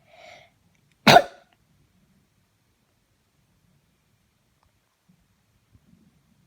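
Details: The recorder's own sneeze wakes a companion who was fast asleep: a short intake sound followed by a single sharp sneeze, then quiet.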